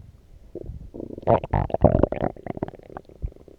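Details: Loud gurgling, bubbling and rumbling abdominal noises in irregular bursts after drinking coffee; borborygmi, loud stomach growling.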